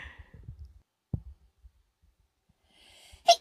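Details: Mostly quiet room sound, then one short, sharp sneeze right at the end.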